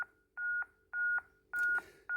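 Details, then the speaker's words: ZOLL M2 defibrillator CPR metronome during a training demonstration: regular paired beeps with a green flashing light pace chest compressions at a target of 100–120 per minute. The CPR dashboard shows a 5–6 cm target depth. "we have our green flashing metronome with the audible sound that gives us our rate we should be between 100 and 120."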